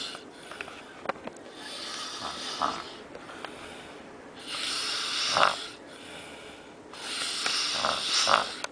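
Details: A person snoring in Cancun, Mexico: loud, hissy snores repeating every few seconds, about 20 a minute, with faint room noise in between; ordinary snoring.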